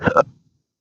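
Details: Single abrupt voiced hiccup, a short gulping catch of breath, in a patient with intractable hiccups since December 2015 after surgery with multiple nerve damage, including pudendal nerve injection, affecting phrenic and vagus nerves.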